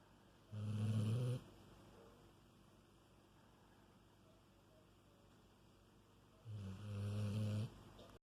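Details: Husky dog snoring while napping: two low, rumbling snores about six seconds apart, quiet between them.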